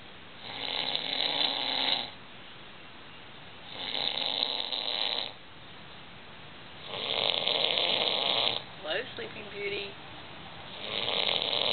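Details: Man snoring heavily in sleep after a big night: loud, harsh, rattling breaths repeating about every three seconds, about 20 a minute.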